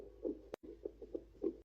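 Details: Fetal heartbeat on a handheld home fetal Doppler during pregnancy: rapid, rhythmic whooshing pulses over steady hiss.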